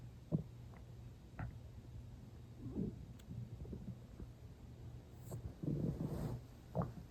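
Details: Loud stomach growling though not very hungry and recently eaten, with water drunk toward the end: soft low gurgles and brief rumbles over a steady hum; normal borborygmi.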